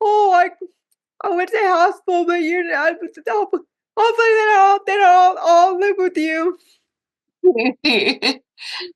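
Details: Dysarthric speech from cerebral palsy in a woman who says talking is hard for her; live-stream viewers keep asking if she is okay.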